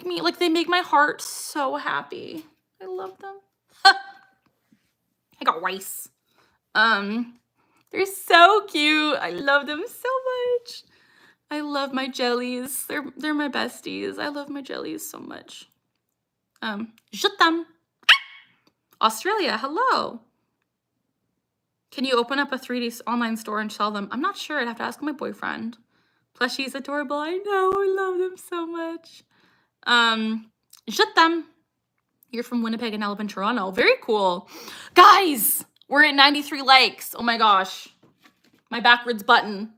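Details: Woman, 26, with Tourette syndrome diagnosed at 12, tics since about age 3 or 4, producing her frequent involuntary phrase tic "I got rice"; she tics more when discussing Tourette's; vocal tics.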